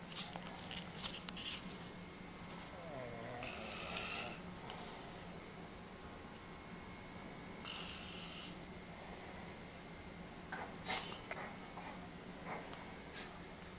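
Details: Adult man asleep and drunk after a lot of whiskey, his stomach being rubbed to calm him: irregular snorting, rattling breath noises with a steady low hum in a quiet room, snorting during sleep.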